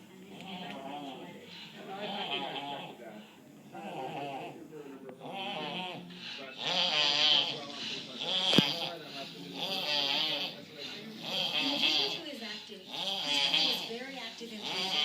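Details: Several sleeping adults, described as drunk and found asleep at home, snore together: loud, rough, overlapping snores forming a steady chorus of repeated breaths.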